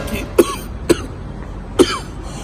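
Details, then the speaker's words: Three short, sharp coughs in quick succession over room noise in a comedy skit about sneezing in 2020; the person mentions a throat feeling, headache and cold and denies having corona. "Corona? I'm feeling something here on my throat."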